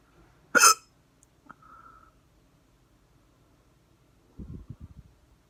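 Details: Loud, abrupt hiccup followed by a fainter hiccup with a short squeak, recorded with the camera on the neck, in a quiet room; hiccups.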